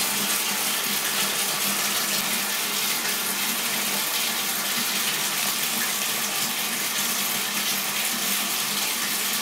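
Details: Welch Allyn automated ear wash irrigating a patient's right ear canal impacted with deep cerumen: steady loud hiss of spraying, rushing water; wax only partly removed when the patient asked to stop.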